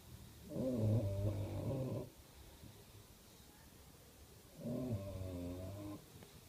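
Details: Snoring bulldog: two loud, rattling, groaning snores on the breath in, with a quiet pause between; noisy flat-faced-dog snoring.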